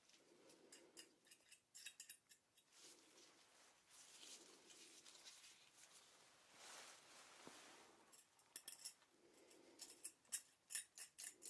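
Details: Simulated ASMR dental cleaning role-play for a nervous patient needing scale removal after a checkup: soft metallic picking clicks and longer scraping strokes from hand scaling of an area with heavy buildup, faint breathy background.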